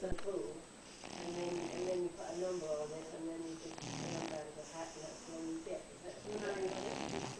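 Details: A sleeping dog lying in a cat's arms gives rhythmic nasal snoring with whistling, squeaky tones on each breath, about four breaths in seven seconds.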